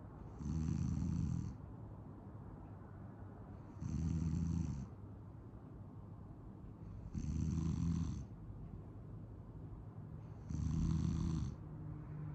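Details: A sleeping cat snoring: soft, regular snores about one every three seconds, with quiet breathing between.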